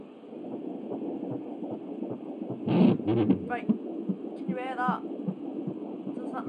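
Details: Fetal heartbeat at 12½ weeks via Angel Sounds home Doppler: rapid whooshing at about 150 beats a minute, fading and returning, with hiss and brief voices; parent suspects hearing two heartbeats.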